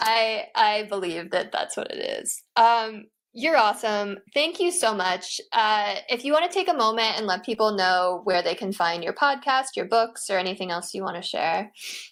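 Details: Adult woman speaking; normal speech.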